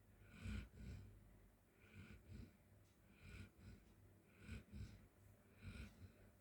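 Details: Golden Retriever dog sleeping on the floor, giving soft, regular snoring and snorting breaths, about eleven breath sounds in six seconds; snoring.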